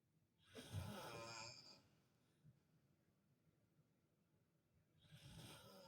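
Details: Adult man (father) asleep in a hospital room while visiting: two rough, raspy snoring breaths with a quiet pause between, heard faintly; snoring.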